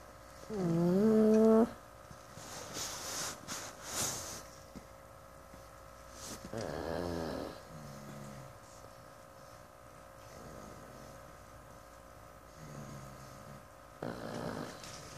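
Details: Pug deep asleep giving loud, irregular snorts and tonal, whiny, human-like snores over a steady room hum; snoring.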